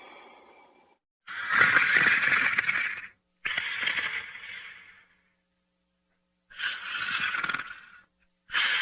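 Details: Two dogs, Otto and Diesel, sleeping and snoring.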